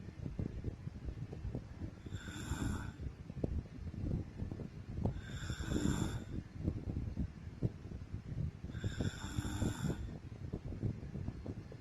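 Three slow, rattling snores about every three to four seconds over steady background noise. Snoring during sleep.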